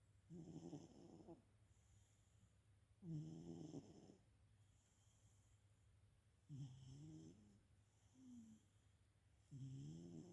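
Four slow, rough, voiced snores about 17 a minute, each on an in-breath, with quiet pauses between.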